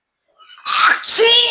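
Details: Sneeze in a family comedy short: a soft intake of breath builds to one loud, explosive sneeze, followed by a voiced cry-like sound.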